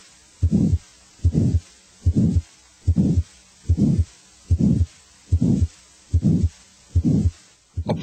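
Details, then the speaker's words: Teaching example of aortic stenosis: regular heartbeat near 73 a minute, each beat carrying a systolic murmur that first rises in intensity then falls: crescendo-decrescendo systolic murmur. "A crescendo decrescendo murmur as heard with aortic stenosis first rises in intensity then falls."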